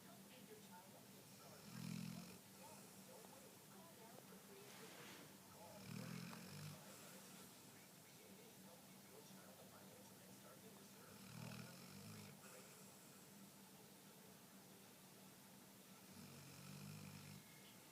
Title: Dakota snoring